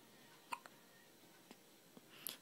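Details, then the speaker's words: Baby boy with hiccups: several brief, sharp hiccup sounds. "I have hiccups, Mommy."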